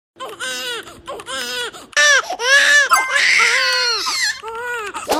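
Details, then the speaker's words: An infant with incessant crying cries in loud, rhythmic bursts with gasping breaths between them. "Yung umiiyak palagi si baby. Ang tawag diyan ay incessant crying."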